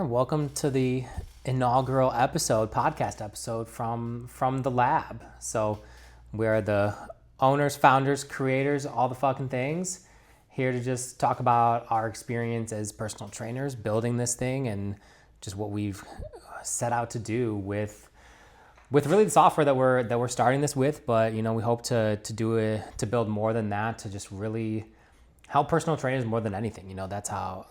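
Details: Adult male speaker; Normal voice.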